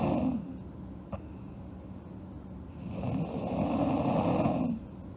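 Rough, rattling breath noise during sleep, a brief one then a longer one, separated by a quieter pause: snoring.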